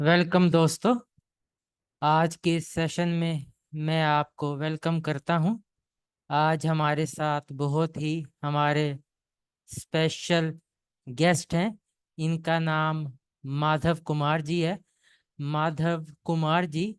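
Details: Adult speaker; typical speech.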